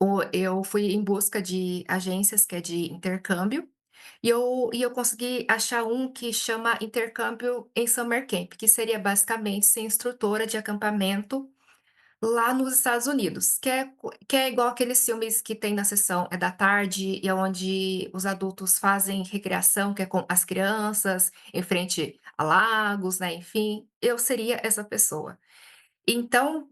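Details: Adult woman who stutters, reporting blocks, speaking Portuguese in a stuttering-conference talk; stuttering.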